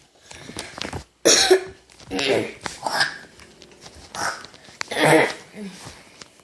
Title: Coughing